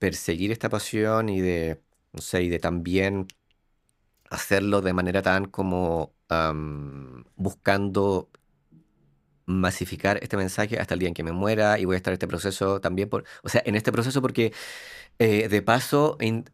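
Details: Adult man, organizational psychologist, with lifelong stuttering since childhood; Spanish speech; stuttering.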